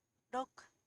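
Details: 31-year-old woman with spasmodic dysphonia after type II thyroplasty with titanium bridge, completely relieved, strong voice; normal voice after thyroplasty for spasmodic dysphonia.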